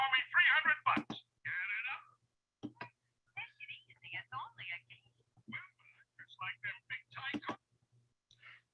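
Cartoon dialogue, thin and broken into faint fragments with missing low tones: a simulation of how speech sounds with hearing loss.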